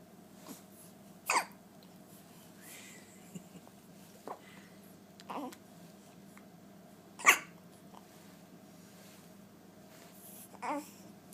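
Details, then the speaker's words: Young child or baby with hiccups: about six sharp, brief hiccup catches over eleven seconds, with faint breathing between against a low room hum. "You have the hiccups. Poor kid. Poor baby."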